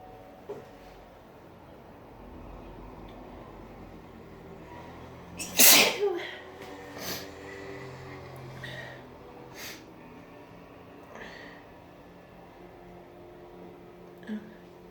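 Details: Person with a cold in the shower: one loud, explosive sneeze over steady running water, followed by a few fainter sniffs and breaths; sneezing fit.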